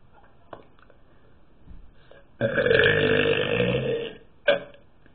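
One long, loud, rumbling burp lasting nearly two seconds, then a short second one; ordinary belching.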